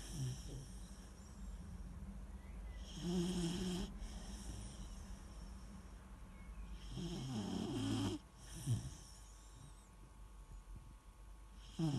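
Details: Weimaraner puppy snoring while asleep: slow, low rumbling snores, each a few seconds long, about 14 a minute.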